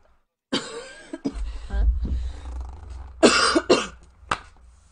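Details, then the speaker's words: Coughing from a person playing a video game, who says it is just a tickly cough and not COVID. "stop coughing, guys. And before you say anything, it's not COVID, okay? It's just a tickly cough."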